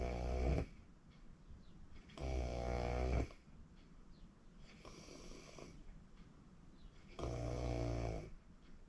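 Loud, rattling snores on each in-breath, about every two to three seconds, with quieter breathing between them; heavy habitual snoring.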